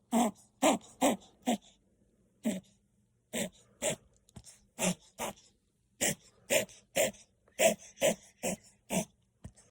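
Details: Chihuahua puppy with kennel cough gives repeated short, dry, honking coughs in clusters.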